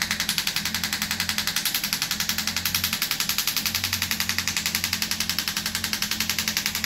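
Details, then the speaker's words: Radial shockwave therapy device with a smaller head, used right on the joint and bone of an arm wrestler: rapid, steady tapping at about 220 pulses a minute with a low hum, which he says feels far gentler, nowhere near as violent. "Yeah, that's way more gentle, just smaller head. And that's because we're right on the joint now. Right on the bone. Yeah, totally different feel, like nowhere near as violent."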